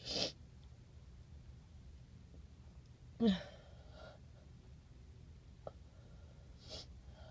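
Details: Several soft, breathy sneezes a few seconds apart against quiet room hum, after taking a tiny amount of chhinkni powder for a stuffy nose; induced sneezing.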